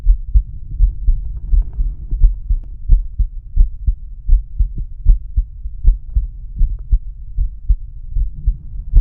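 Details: Normal adult male heart sounds, regular lub-dub at about 78 beats a minute, through stethoscope diaphragm, with low background hum.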